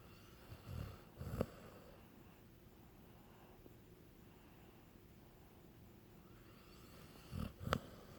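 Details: Snoring: two short bursts of low, rattling, snorting breaths with quiet between, in a small room, from a sleeping animal.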